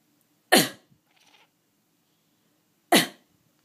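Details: Adult gives two sharp, explosive coughs a few seconds apart, with a pet cat meowing briefly between them, as it does whenever the owner coughs. Plain cough.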